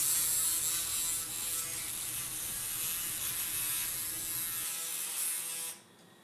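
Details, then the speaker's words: Loud, rapid buzzing hiss that cuts off abruptly: an oscillating saw making posterior and chamfer cuts during a left total knee arthroplasty. "and subsequent posterior as well as anterior and posterior chamfer cuts are then made"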